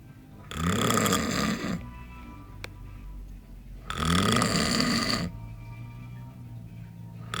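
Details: Snoring after eight pints of lager, described as sounding like a farm animal: two loud, rough, rattling snores on breathing in, about 18 breaths a minute, with a faint steady hum behind; heavy snoring.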